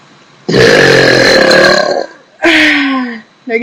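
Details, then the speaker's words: Young woman burping on purpose while drinking, by swallowing air and bringing it back up: two long, loud burps, the first rough and about 1.5 seconds long, the second shorter with falling pitch. "she trick is you got to swallow the air not just inhale some people say you got to inhale no you got to swallow it and then P it back up make sure you don't throw up cuz that'd be really gross"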